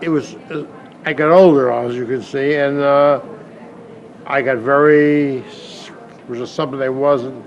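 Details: Aphasia after stroke in a person with aphasia; recovery of speech had been judged hopeless.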